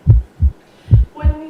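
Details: Stethoscope bell with gentle pressure over the carotid arteries on each side while the patient tilts the head up and holds breath, during a skills demonstration; normal carotid auscultation, no bruit.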